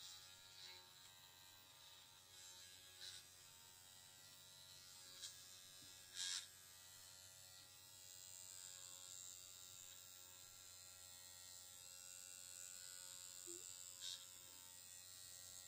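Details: Dr Pen A11 Ultima Pro microneedling pen switched on at speed three, used on own forehead for wrinkles and fine lines (forehead depth one to three): steady quiet high electric buzz with soft clicks and handling noises.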